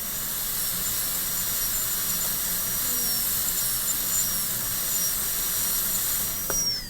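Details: Steady high-pitched whine with hiss of a high-speed dental drill cutting a Class II composite cavity preparation, moving the facial margin, on a manikin simulating patient treatment in a restorative dentistry class.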